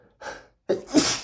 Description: A compilation of 100+ sneezes, all recorded on the same day